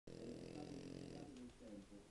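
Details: Sleeping French Bulldog snoring: a single drawn-out, buzzing, throaty breath sound.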